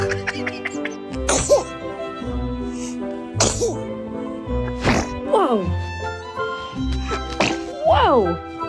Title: Cute and funny baby sneezes🥰#babysneezes #cutebaby #babymoments #funnybaby